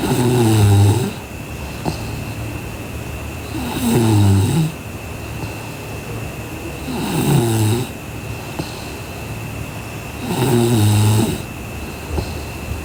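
Low, rattling snores on each in-breath with quiet gaps between, about four breaths in thirteen seconds, with a steady faint hum in the room.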